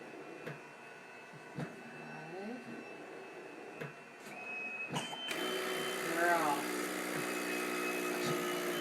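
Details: Girl using a mechanical insufflation-exsufflation (cough assist) device: a steady motor hum shifting in pitch and loudness as it cycles between phases, with counting aloud during use.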